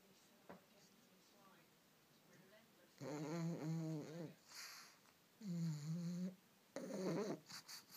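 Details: Sleeping pug, appearing awake but in deep sleep and dreaming: low, rumbling tonal snores on slow breaths with soft whimpering sounds between them; snoring during sleep.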